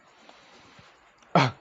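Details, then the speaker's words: Single forceful voluntary cough after a quiet pause, demonstrated by a student nurse during a deep breathing and coughing exercise with a pillow for comfort; a controlled cough to help clear the lungs. "so that you will breathe for you'll breathe your nose and then cough two times just like this"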